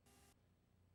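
After brief silence, a steady low hum of narrow-band noise near middle C starts abruptly: a third-octave noise band for hearing-protector threshold testing.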